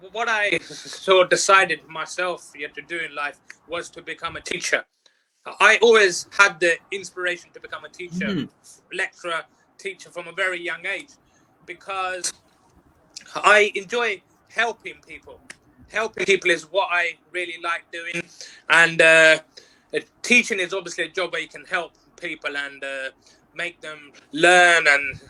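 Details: Stuttering in an adult who has stuttered since age four, stuttered on nearly every sentence at school, and now works as a teacher and life coach.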